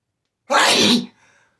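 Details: Series of hitchy, explosive sneezes, some stifled: one loud, explosive sneeze that trails off into a soft breath.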